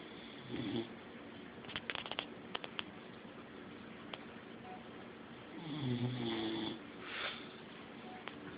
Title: Snoring dog...